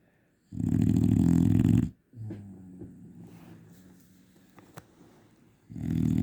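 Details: Sleeping dog snoring like a tractor: loud, rough, rumbling snores, a long harsh breath followed by a quieter one, like an idling engine.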